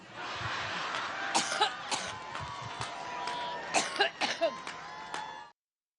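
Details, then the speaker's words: A woman's persistent cough during a campaign speech in Ohio: repeated short, harsh cough bursts in two clusters over crowd and room noise. "유세를가 가지고 기침이 계속 나는 거예요 연설을 하는데 그러니까이 기침을 하면서 그 했던 얘기가 있는데요"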